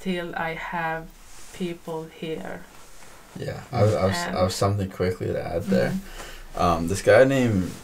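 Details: Woman who stutters, in a podcast conversation about stuttering, stuttering more than usual, with repetitions of words and part-words; stuttering.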